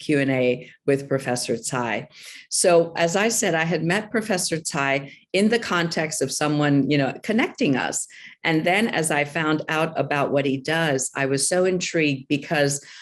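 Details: Adult woman speaking; Normal voice.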